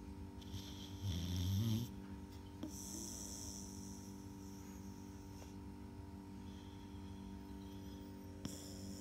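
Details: Sleeping dog snoring: one low, rumbling snore, then quiet breathing against a steady electrical hum.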